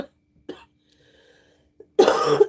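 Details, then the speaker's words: Faint throat sounds, then one loud, harsh cough burst from a person on a live stream who has been coughing constantly, has a sore throat, feels unwell and says it is not COVID. "It's very embarrassing at that. Coughing the whole time. I was like, I promise you I don't have COVID."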